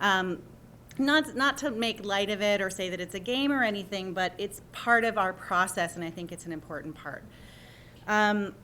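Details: Adult woman speaking; ordinary speech.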